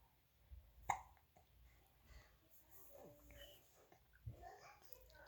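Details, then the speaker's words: Two soft, abrupt hiccups from an infant girl, a few seconds apart, with quiet adult talk in the room. "You're doing your hiccups."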